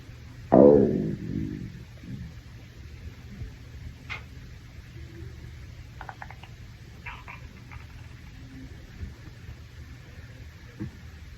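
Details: Stomach growling in a hungry male after a shower: a loud gurgling rumble, then fainter intermittent gurgles and squeaks; ordinary borborygmi.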